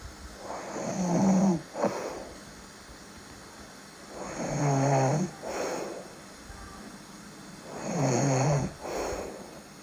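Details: Real snoring during sleep with a little sleep talking: loud rattling snores on each breath in, softer breath out, about 18 breaths a minute.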